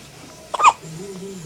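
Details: Hiccups in a baby: a single abrupt, catchy hiccup, followed by a soft adult voice in the room.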